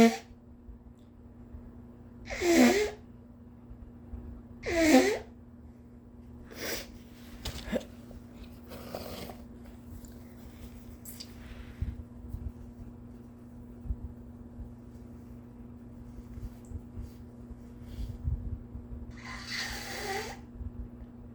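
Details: Induced sneezes in a person with a sore throat, headache and stuffy nose who fears getting sick, after an exhausting day: two loud, breathy sneezes in close succession, then a third about fifteen seconds later, with sniffing between.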